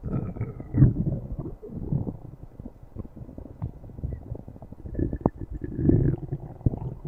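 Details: Low gurgling rumbles and bubbling pops with a few brief squeaky tones from the belly: ordinary stomach growling (borborygmi).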